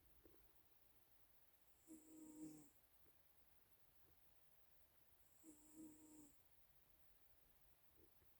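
Two soft, buzzing snores about 3.5 seconds apart against a quiet room: gentle snoring in a sleeping cat.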